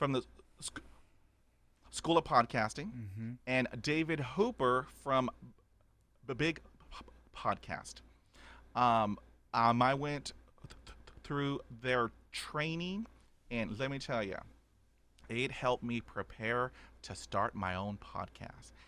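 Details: Adult man stuttering since childhood, about 80% fluent after 20 years of speech therapy, still with blocks and repetitions; stuttering.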